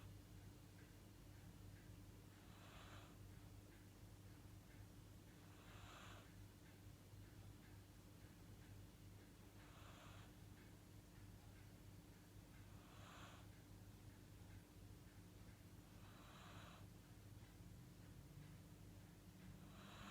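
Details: Snoring from a sleeping Corgi dog that seems to be dreaming: soft, regular snuffling snores about every three seconds, roughly 20 a minute, over steady room hum.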